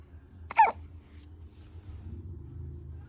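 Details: Newborn baby boy hiccuping: a single short, sharp hiccup over quiet room noise; infant hiccup.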